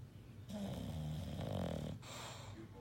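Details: Snoring from Cleopatra, a sleeping English Bulldog (flat-faced dog): low, rumbling, fluttering breath sounds in a steady rhythm.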